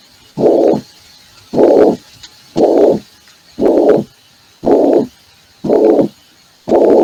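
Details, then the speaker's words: Mitral regurgitation heart sound played in an internal medicine lecture: regular heartbeat near 58 a minute with a long, even blowing murmur filling systole. Holosystolic murmur. "ya escucharon la estenosis vitral ahora van a ver lo que es insuficiencia de se escucha bien no es un soo de tipo sistólico Oh Oh"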